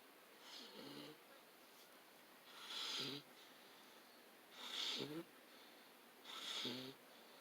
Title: Beagle boy is asleep snoring!